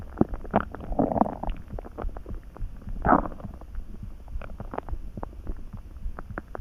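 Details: Hunger stomach rumbling (borborygmi) while lying in bed and dozing off after a small lunch: low gurgling and churning with bubbling pops and soft rumbles, calm digestive sounds.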